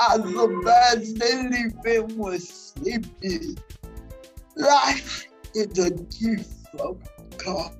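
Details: Dysarthria in a 47-year-old woman with cerebral palsy that presents through her speech.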